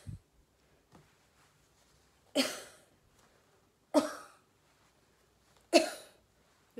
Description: Airway clearance techniques are performed to loosen and mobilize thick sticky mucus out of the airways usually every single technique ends with huffing and coughing